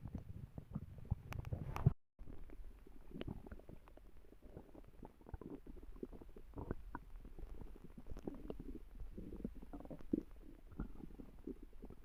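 Low, gurgling rumbles and bubbling pops that come and go; ordinary stomach growling from gas and fluid moving through the gut.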